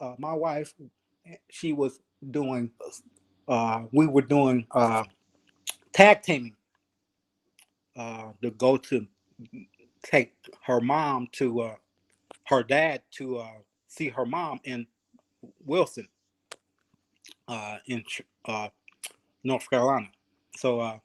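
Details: Aphasia in a 52-year-old male ischemic stroke survivor, 3 years after his July 2017 stroke; he could not talk for eight months or form sentences for a year and a half, with mainly cognitive and verbal difficulties; attends an aphasia project.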